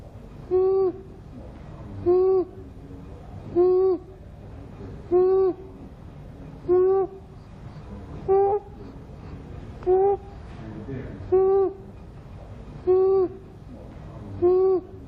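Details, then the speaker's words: High-pitched harsh crowing noise on each breath in, about 39 a minute, in a child; stridor. "next look and listen for stride or stride or is a harsh noise made when the child is breathing in it sounds like this"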